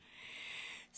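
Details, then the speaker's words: Single harsh, hissing inspiratory breath, louder than ordinary breathing between phrases, from an adult speaker with subglottic stenosis narrowing the airway just below the vocal cords; stridor. "no it's actually a disease not a physical condition no it's a disease it closes off your airway"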